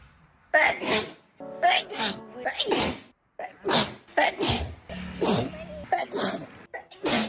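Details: Sneeze compilation: about seven sneezes in quick succession, some with a short voiced lead-in, over faint background music.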